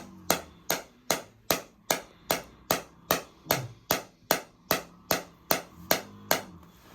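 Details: Radial shockwave therapy device firing steady, evenly spaced sharp tapping pulses, about 150 a minute, on a male runner's left SI joint, hip and lower back at his second session for chronic pain after sciatic nerve damage.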